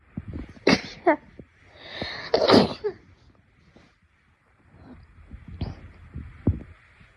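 Several sharp sneezes in quick succession, each an explosive burst of air, with quiet gaps between.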